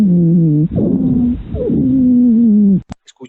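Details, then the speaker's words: Wheezes in a teaching example, mainly expiratory, from obstruction of small-calibre airways, with a transmitted added sound also present: sustained musical, whistling tones during breathing. "el que es sibilancia propiamente dicha es ésta no divinas aquí se produce básicamente durante el período espiratorio y se debe una obstrucción de la vía respiratoria de pequeño calibre"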